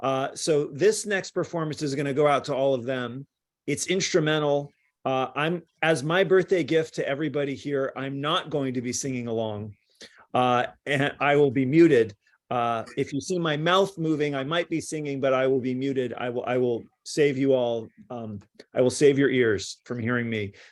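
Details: Adult man speaking; no speech disorder.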